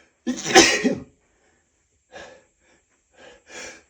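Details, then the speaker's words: Male in a run of repeated sneezes he says won't stop: one loud sneeze, then softer breaths and a small follow-up sneeze. "I gotta sneeze again. I can feel it coming. They just won't stop."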